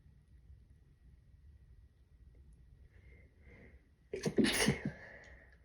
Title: Quiet sneezes